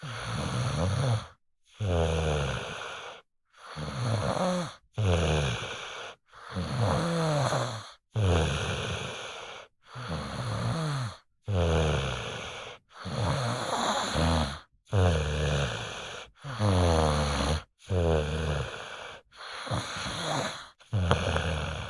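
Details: A sleeping baby snores softly with each quick breath, a low rattling tone repeating steadily: snoring.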